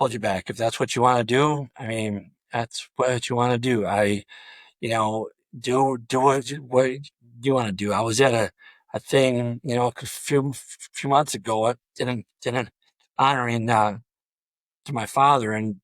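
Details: Adult male high school football coach with 34+ years of coaching who has stuttered throughout his career, with blocks reported on the letter D; stuttering.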